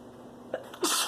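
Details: Woman sneezing from pollen/flower allergies in spring: she excuses herself, takes a short catching breath, then gives one sharp, breathy sneeze.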